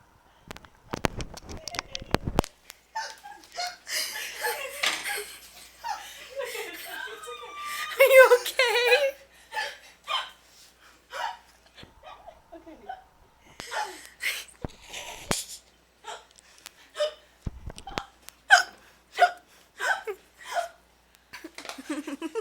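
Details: Persistent hiccup attack, repeated sharp, brief vocal bursts at irregular intervals with giggling in between.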